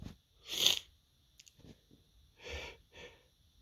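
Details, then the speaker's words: Person with morning sneezes after waking, needing to blow their nose: two or three short, sharp sneezes with quieter breaths between, part of a long repeated run; sneeze. "hey hey I got the sneezes today woke up so Sneezy"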